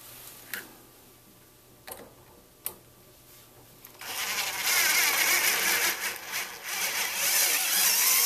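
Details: A few sharp clicks, then a steady high whirring drill running for several seconds in a demonstration of a broken and stripped screw extraction set; a conical tip or trephine extracting a broken screw from bone.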